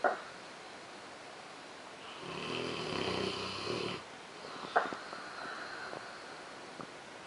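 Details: Rottweiler snoring really loud while asleep: one long, rumbling snore on the in-breath, then a quieter breath out; a daily snorer, keeping another Rottweiler awake. Ordinary snoring.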